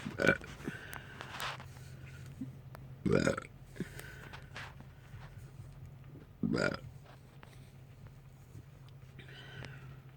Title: More burps